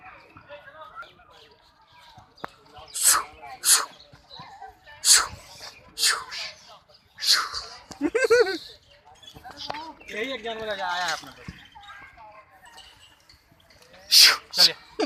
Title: ZEBRA sneezing 🤧 , here this is tourist attraction spot